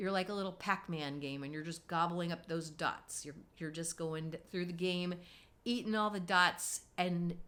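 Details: Adult woman speaking; normal voice.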